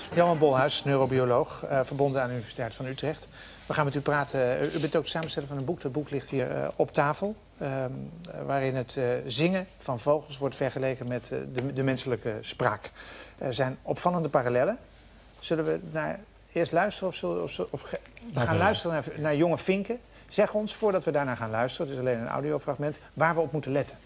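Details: Adult male speaker (Dutch); normal fluent speech.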